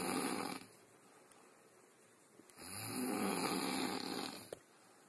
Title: [Deleted Snoring Vids No.2] Snoring Bear